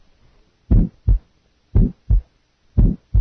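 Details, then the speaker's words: Simulated heartbeat at 60 a minute with an early systolic murmur added, blending into the first heart sound early in systole. "listen now to a heart beating 60 times per minute then a murmur will be added in the systolic period early mid late and pan early systolic murmur"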